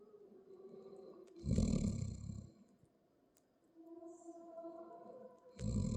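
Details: Two low, rumbling snores about four seconds apart over quiet room noise; snoring.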